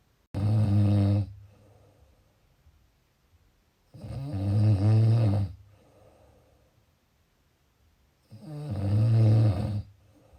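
Three loud, low rattling snores about 4 seconds apart, roughly 14 a minute, with quiet breathing between, typical snoring.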